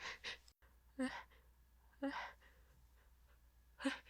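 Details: Simulated sneezes acted by a woman in an unscripted hiding-in-a-closet scenario, after stifling attempts: three quick breathy bursts with short in-breaths between them.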